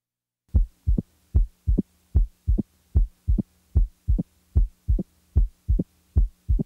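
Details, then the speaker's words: Regular heartbeat near 75 per minute with a crisp, short, high-frequency click 60–100 ms after the second sound in early diastole, typically from mitral stenosis; opening snap. "now the third heart sound the opening snap is best heard with the diaphragm firmly pressed while the s3 is best heard with the bell lightly held"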